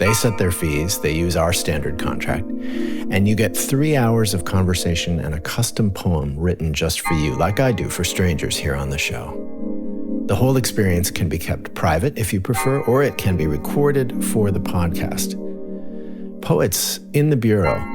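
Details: Adult male narrator; normal speech.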